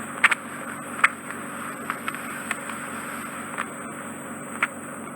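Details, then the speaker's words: Endoscopic ear microsuction after drops, removing wet clay- or mud-like impacted ear wax in an Asian client: a steady suction hiss with sharp crackles and pops as wax enters the tip. "it's a bit uncomfortable and it can make a very loud noise and you vacuum it"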